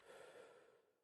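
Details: Normal breath sounds on chest auscultation with stethoscope during deep open-mouth breathing: a soft, airy breath fading away, then a brief knock at the end.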